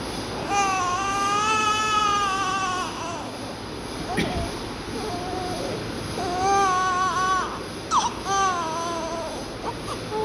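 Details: Newborn baby girl just after birth, during oxygen administration: repeated high, wavering cries over steady hissing background noise, a normal newborn cry.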